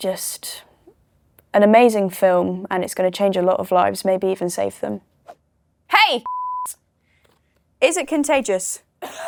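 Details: 19-year-old woman with Tourette syndrome (motor and vocal tics, coprolalia), tics beginning around age 11 and worsening after trauma at 15. Involuntary swearing tics occur during her speech. Finding: vocal tics with coprolalia (Tourette syndrome).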